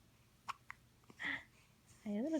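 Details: Infant girl who gets hiccups about once a day: two short, sharp hiccup catches, then soft baby sounds and a brief coo in a quiet room.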